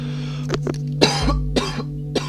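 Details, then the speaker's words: An adult who is sick with a dry throat: a series of short, dry coughs and throat clearing over steady background music. "Sorry if you could hear that. Coughed a little there. Throat's kind of dry because I'm sick, like I said before."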